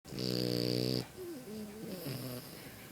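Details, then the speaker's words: Sleeping French bulldog puppy snoring with his eyes open: a loud, buzzing snore lasting about a second, then softer whining, nasal breathing noises. "His eyes are open and he's still snoring."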